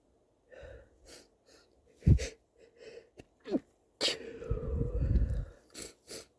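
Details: Sneezes provoked with chhinkni (sneezing powder): a few stifled sneezes and false starts, then a big full sneeze with a long breathy release.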